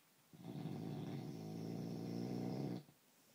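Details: Adult male (husband) snoring after an anti-snoring foam spray failed to help: a single long, low, rumbling snore of about 2.5 seconds with a steady fluttering buzz on inspiration.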